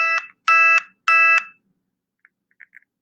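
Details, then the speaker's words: Phone alert from a continuous glucose monitor for a diabetic child's low blood glucose, under 70: three loud rising electronic tones in quick succession, then quiet, the sound that wakes the parent at night. "So for Molly, if she's low, which means she's under 70, now imagine silent room at night. This is what I hear. This is what wakes me up."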